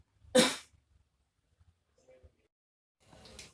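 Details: Adult male patient in a nursing (KMB) chest-physiotherapy skill demonstration gives a single forceful, explosive voluntary cough, then quiet and a softer breathy sound: acted effective-cough technique after chest physiotherapy.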